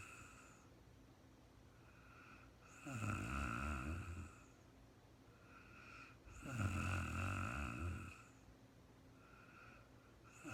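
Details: Very tired woman recorded sleeping in real time at night; two loud, rattling snores on slow in-breaths, about 16 a minute, over steady room hum; ordinary snoring.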